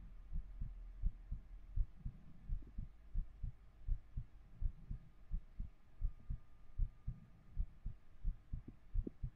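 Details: Soft, regular low thumps at roughly 85 a minute with faint room hum, recorded with a 3Dio binaural microphone; an ordinary heartbeat rhythm.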